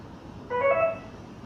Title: Infusion pump เสียงเครื่องควบคุมการให้สารละลายทางหลอดเลือดดำ Infusion pump Sound VDO MALI CULTURE